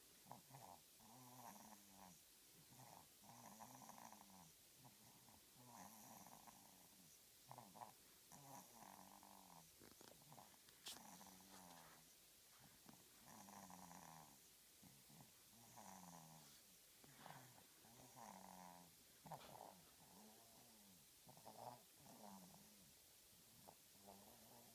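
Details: A sleeping dog snores in a steady rhythm, with a soft, fluttering, rumbling tone on each breath: snoring.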